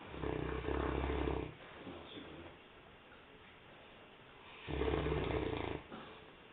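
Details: Sleeping St. Bernard dog snoring: deep, buzzing snores on the in-breath, two in about six seconds, with softer breathing between.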